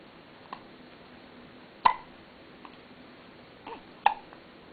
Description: 7-days old, hiccups